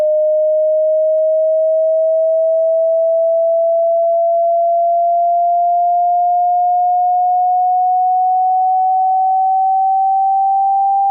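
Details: Simulated online hearing test: a steady pure tone that slowly rises in pitch.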